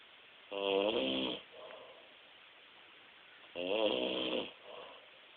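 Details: Two loud, rattling, buzzy inspiratory snores about three seconds apart with soft expirations between, from a man asleep in a quiet room: snoring.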